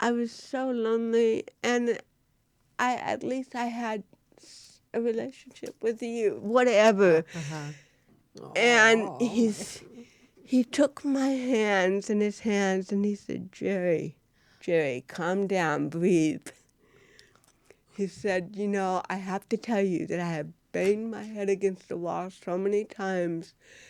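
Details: Real-life speech from a woman, an actress, who has cerebral palsy; dysarthria in cerebral palsy.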